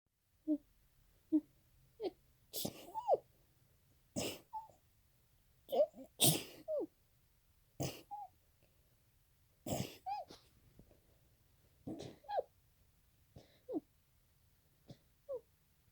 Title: Loud sneezes , muffled sneezes & stifles